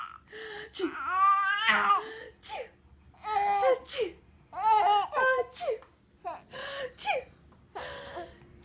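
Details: An adult mother's repeated sneezing: several sharp sneezes in quick succession, answered by a 5-month-old infant's high-pitched laughter and babbling in a small room.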